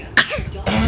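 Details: A single short, sharp, deliberately produced fake cough from a child, a voluntary cough rather than a reflex cough.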